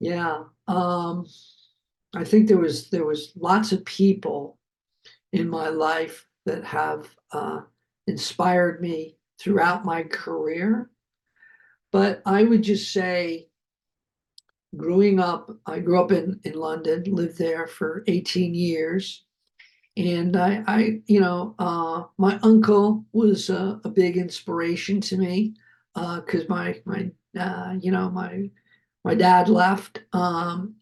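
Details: Adult man who survived a heart attack and has aphasia, speaking spontaneously; aphasia with word-finding difficulty.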